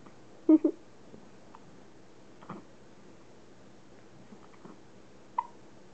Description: gets the hiccups during her nightly workout